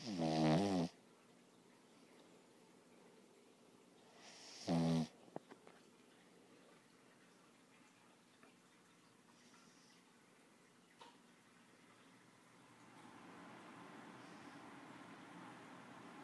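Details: Two short, rattling snores about four seconds apart in a quiet room from a sleeping 6-month-old Lhasa Apso puppy; snoring.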